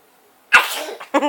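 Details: Single sneeze after silence: a sudden sharp burst of air with a brief voiced trailing sound; someone says "God bless you."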